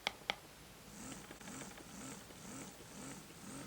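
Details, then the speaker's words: Rechargeable portable electric breast pump turned on and running in massage mode, demonstrated outside use: two switch clicks, then a soft motor hum pulsing about twice a second in pumping motion. "you can see it's massage that's a massage feature that it has doing that pumping motion"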